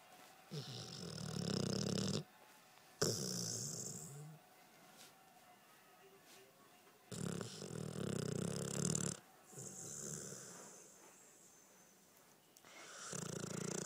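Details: 1-year-old Pitbull dog dreaming and snoring during sleep, phone recording: irregular rasping snore bursts with snorting breaths and quieter gaps; snoring.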